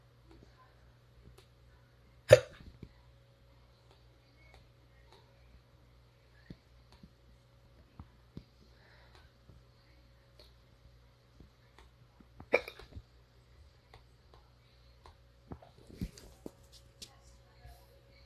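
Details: Hiccups: three sharp, isolated hiccups several seconds apart in a quiet room with a low hum.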